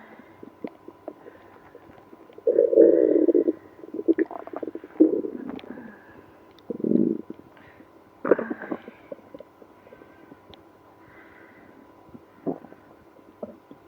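Irregular gurgling and rumbling bursts with quiet gaps, typical of active bowel sounds (stomach growling).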